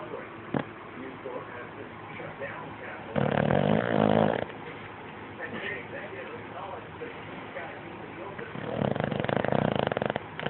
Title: Boston terrier snoring with eyes open